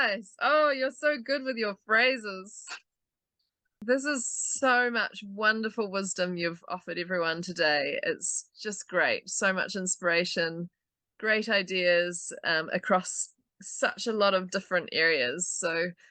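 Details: Adult woman speaking; typical speech.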